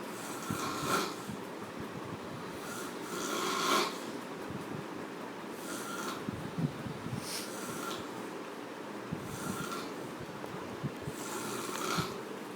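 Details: Person in heavy sleep snoring loudly: rough snoring breaths recur every few seconds, some ending in snorts, over low room noise.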